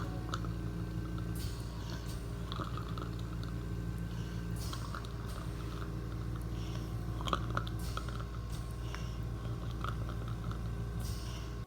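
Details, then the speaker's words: Actively dying woman, mouth open: soft wet gurgling and crackling with slow breaths over a steady machine hum, terminal respiratory secretions (death rattle). "and you'll hear hear terminal secretions which is that death rattle so trigger warning here is the next video"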